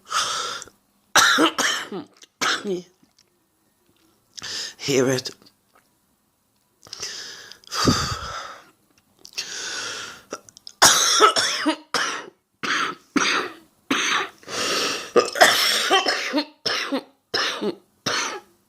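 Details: An adult woman with a heavy cold: bouts of repeated, harsh coughing with breathy gasps between, typical of a chest-and-throat cold.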